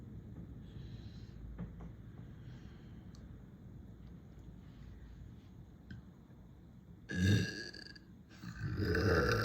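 Quiet room noise, then two deep, rumbling burps near the end; ordinary belching.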